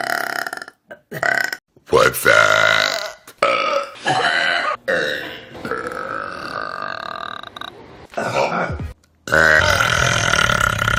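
A run of loud, drawn-out voiced burps, some short and some prolonged, with brief pauses between them: repeated belching.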